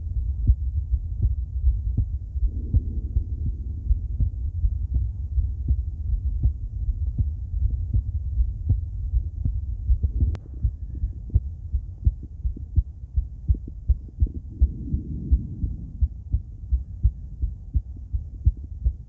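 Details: Female heart auscultated with several different stethoscopes via microphone, moving Erb's point, mitral, tricuspid, aortic, then pulmonic; steady heartbeat about 80/min with rubbing and handling noise; normal heart sounds.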